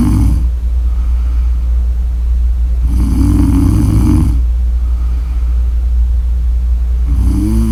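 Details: Loud, buzzing snores roughly every four seconds, about 15 breaths a minute, over a steady low rumble; snoring during sleep.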